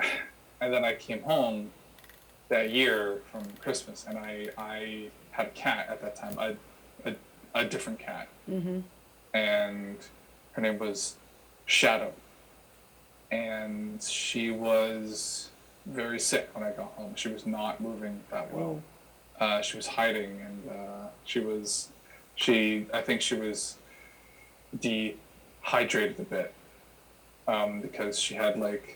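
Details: Adult man who has stuttered since he could talk, had school speech therapy as a child, with father and older brother who also stutter; stuttering.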